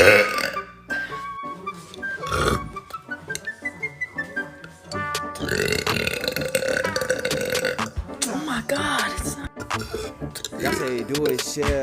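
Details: Girl burping: several long, croaky belches in a row over background music.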